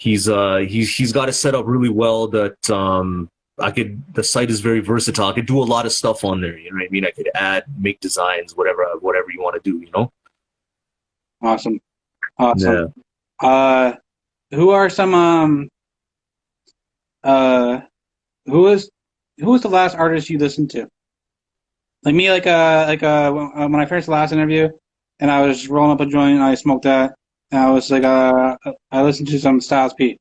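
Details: Adult male interview host who reports having a stutter and stuttering in his interviews; stuttering.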